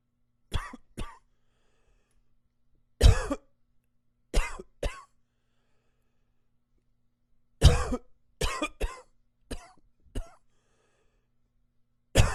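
About twelve short, harsh coughs, mostly in pairs or runs of three with quiet pauses between; repeated coughing.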